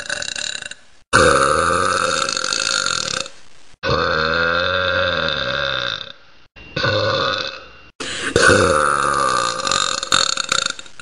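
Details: Four long, loud, drawn-out belches with a deep gurgling voice quality, separated by short pauses: repeated burping.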